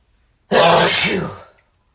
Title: Sneezing Male